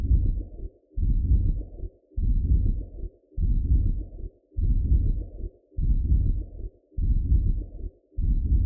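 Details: Adult's own heartbeat recorded through a Doppler: steady, regular whooshing at roughly one beat a second; normal heartbeat.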